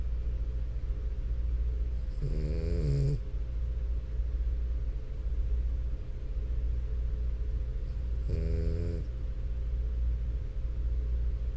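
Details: French Bulldog snoring continuously for about ten minutes.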